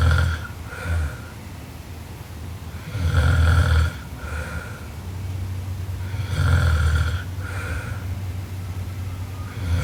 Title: Sleeping Japanese Girl Super Loud Snoring Part 2